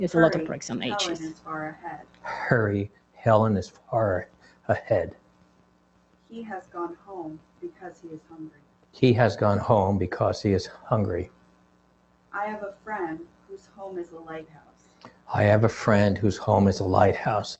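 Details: Adult man with quite severe spasmodic dysphonia, recorded before treatment while reading sentences; the condition was severe enough that he lost his job and went on disability.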